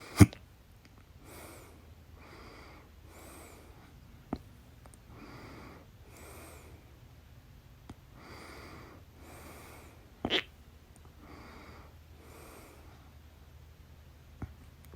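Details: Painful, loud hiccups felt in the throat, second bout: four sharp, loud throat clicks at irregular intervals over soft breathing.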